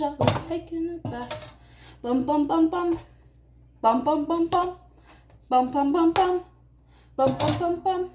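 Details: Vocal tics (Tourette syndrome) in a female, with repeated 'bum' vocalizations.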